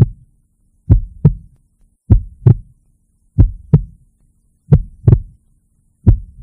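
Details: Heartbeat.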